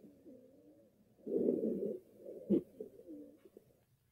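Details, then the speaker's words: Breath-sound teaching example of wheezing or rhonchi: low-pitched, musical, wavering breaths with a congested, liquid, gurgling quality; described as abnormal and not clear. "all right so you can just hear those other two the ronai and the wheezing how congested it sounds how liquidy um really it just not clear at all and that's not good"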